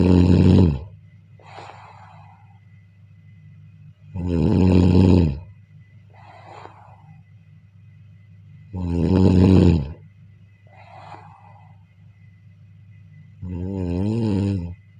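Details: Loud, rattling inhaled snores about every four seconds, roughly 14 breaths a minute, with softer breathy exhales between them, heard during sleep: snoring.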